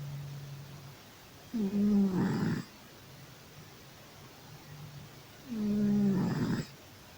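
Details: A sleeping cat gives two loud, rough, rumbling snores about four seconds apart, with quiet breathing between; snoring.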